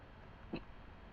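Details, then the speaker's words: Person who has had hiccups all day and has been sick for about a week: one brief, abrupt hiccup sound against low room noise; hiccup. "It This has been happening all day. Like, yeah, most annoying thing in the world, having the hiccups."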